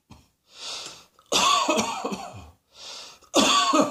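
Two bouts of loud, harsh coughing, each led in by a sharp breath in; a repeated dry-sounding cough.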